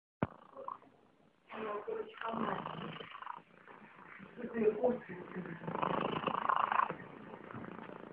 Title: Cat Snoring )))))